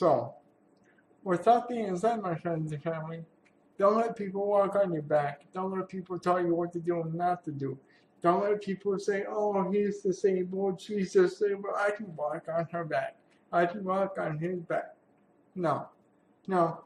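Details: Man with cerebral palsy who uses a wheelchair and attends therapy sessions; a speech disorder is not named, but dysarthria is suspected; real speech showing dysarthric speech in cerebral palsy.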